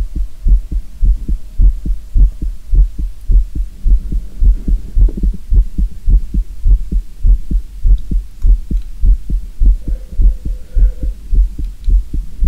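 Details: Heartbeat recording for ASMR, no talking: steady, strong low thumps at about 105 a minute, regular throughout; normal heartbeat, slightly fast.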